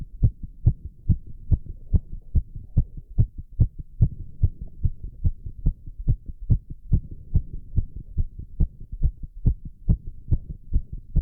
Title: Male's VERY Fast Heartbeat While doing squats (Heavy Breathing + Recovery)